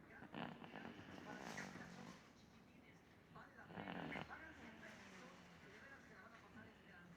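Two rough, rumbling snoring breaths a few seconds apart over steady background noise.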